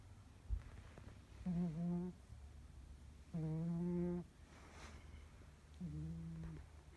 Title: Maggie snores